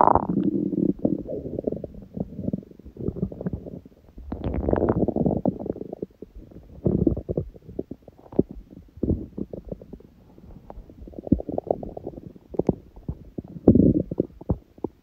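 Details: Hunger stomach growling: repeated gurgling, rumbling runs with a few sharper noises, background music and a sneeze in the recording; borborygmi.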